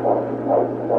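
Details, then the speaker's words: Fetal heartbeat on Doppler at a 17-week pregnancy appointment, about 140 beats a minute. "so we can hear the baby's heartbeat it's about 140 or before sounds good"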